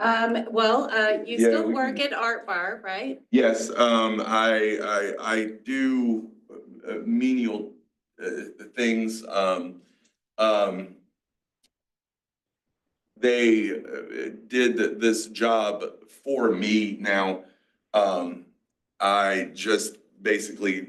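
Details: 47-year-old man with aphasia, a mix of Broca's and Wernicke's, after a massive stroke 6 years ago; he had to relearn to talk after the stroke.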